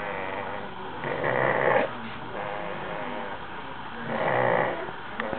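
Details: Rough, rattling snores on breathing, with two loud swells over a few seconds: snoring.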